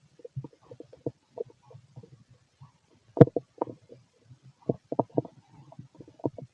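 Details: Fit adult male's stomach: irregular gurgling, bubbling clicks and low rumbles with brief louder gurgles in a quiet room; ordinary bowel sounds (borborygmi).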